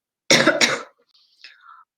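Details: Two quick harsh coughs then a faint breath from an adult with a bad cold and cough, speaking during a live stream.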